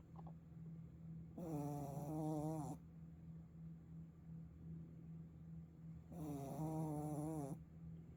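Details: Puppy snoring while asleep: two long, buzzy, rattling snore breaths over a low steady room hum.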